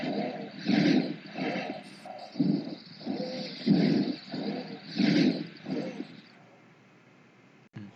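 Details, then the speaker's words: Teaching example of breath sounds: fast breathing with a single-pitched musical whistle on each breath, a monophonic wheeze, described as arising from one focal narrowed airway. "포컬 부위에 이런 여러 가지 이유로 포린 바디라는 튜머든지 엔도로 General 팁이라는 이런 것들 때문에 어 넬이 생기고 거기서만 소리가 나는 경우에 상대적으로 단순한 소리가"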